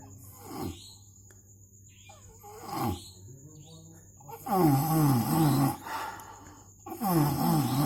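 Slow, rough, rumbling breaths, some with a groaning voiced quality, repeating about every two seconds; snoring during sleep.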